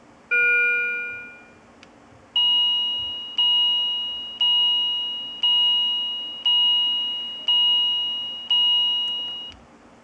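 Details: Philips IntelliVue MP70 bedside patient monitor alarm: a short tone, then a repeating bright electronic chime about once a second, each fading out.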